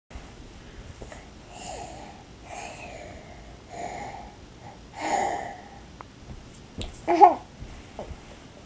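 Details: Toddler boy, 16.5 months, on his parents' bed playfully fake snoring: voiced snore-like grunts and snorts in a quiet room; imitated snoring, not real.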